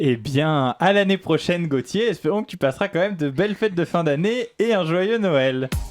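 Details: Adult male radio host speaking French; normal voice.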